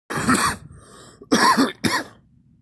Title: me coughing